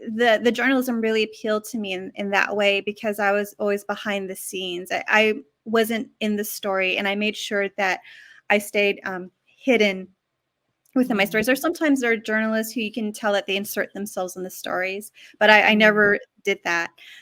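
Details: Adult woman, an author and former journalist, who stutters and says her stuttering made her very shy, which has changed with time; stuttering.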